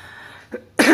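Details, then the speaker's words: Narrator coughs briefly and apologizes while reassembling a DS3 game controller during a repair tutorial; incidental adult cough. "Oke mohon maaf Cak kos agak batuk ya"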